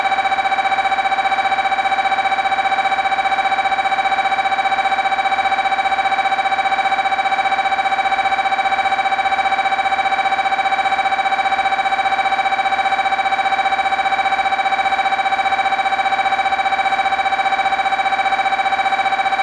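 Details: MRI scanner noise: a loud, steady electronic tone pulsing very regularly, about 150 times a minute.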